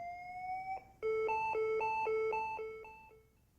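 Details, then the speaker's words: A rising tone, then a repeating two-note electronic alarm: the pacing-disconnect alert on a Lifepak 12 defibrillator/monitor, warning that pacing stopped because the pacing cable or therapy electrodes disconnected. "pacing therapy stops if the pacing cable or therapy electrodes disconnect a message and alarm tone sound after the electrodes are reconnected the alarm silences and the status message indicates Pacer off and current is zero"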